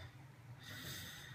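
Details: Ventilator-dependent quadriplegic man with a size 7 flexible Portex tracheostomy tube, briefly off the ventilator during a tube change, with little air; breathy sound instead of words; aphonic breathy vocal attempt through tracheostomy.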